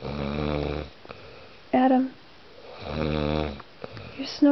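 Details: Sleeping man: two long, low, buzzing snores about two seconds apart, with a brief voice between them; ordinary snoring.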